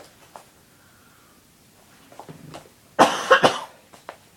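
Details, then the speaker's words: An adult woman with a very dry throat and repeated coughing while recording: a quiet room, then a burst of three harsh, dry coughs in quick succession. "I'm sorry if you've gotten blasted out with coughing sounds I'm going to stop now because I'm very dry throated"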